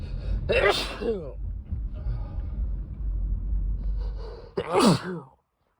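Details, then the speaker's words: Person with a cold, congested with a runny nose and persistent tickle: two sharp, explosive sneezes, each preceded by a quick gasping inhale, over low rumbling background noise. "so congested running nose won't stop and I just keep sneezing over over and over again the tickle like never goes away"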